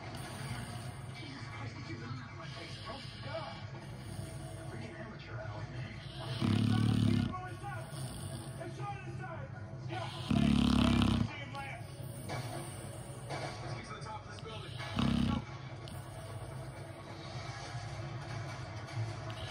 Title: American Pitbull snoring